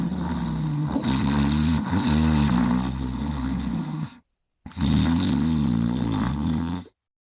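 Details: Cartoon snoring from a sleeping character (TV version): two long, loud, rumbling snores with a vibrating, groaning tone, separated by a brief pause.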